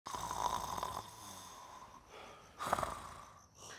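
Two rough, rattling breaths through the nose and throat, with a pause between them: snoring.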